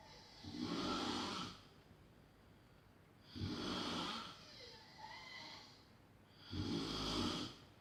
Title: Snoring XXXL / Smrčanje XXXL ASMR Extreme :)